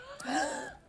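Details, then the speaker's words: Pertussis (whooping cough) in a child: after a run of five or six rapid coughs, a single high-pitched, rising crowing inspiratory breath, the characteristic whoop, worse at night initially; inspiratory whoop. "el ruidito digamos ese gallo que se llama que se describe Así que es de la respiración si aparece una tos de este tipo al principio aparece sobre todo por la noche pero luego aparece durante el resto del día"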